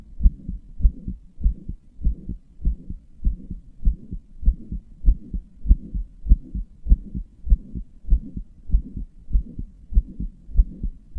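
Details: Regular low heartbeat thumps at about 98 beats a minute with a soft rumble between beats, labelled a heart murmur by a person describing a weak, murmuring, palpitating heart; no distinct murmur can be confirmed.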